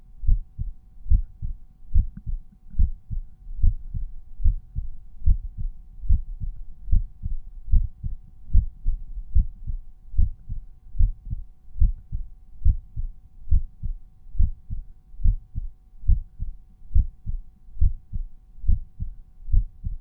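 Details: Normal resting heart sounds heard at the mitral auscultation point, volume normalized per point.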